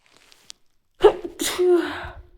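Quiet sniffs, then one sudden, forceful sneeze with a voiced burst at the end.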